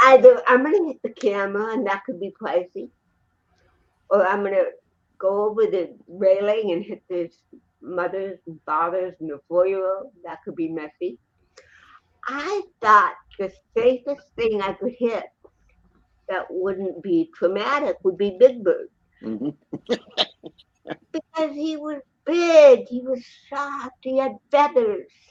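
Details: Adult woman with cerebral palsy who also has a 75% hearing loss and wears hearing aids; dysarthria (cerebral palsy).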